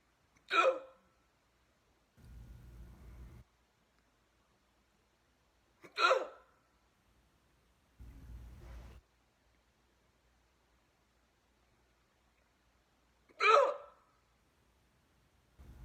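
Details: Painful hiccups after eating a turkey sandwich too fast: three sharp, abrupt voiced gulps about seven seconds apart, each followed by a brief low rumble.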